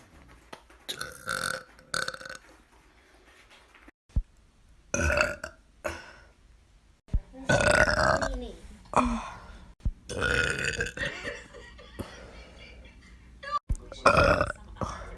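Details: Compilation of a girl burping: several loud, drawn-out throaty belches, some with voiced resonance, separated by pauses and brief sounds; repeated burping.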